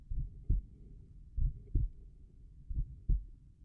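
Slow, regular low thumps, roughly 50 to 55 beats a minute, with quiet gaps between beats; normal heart sounds at the tricuspid area.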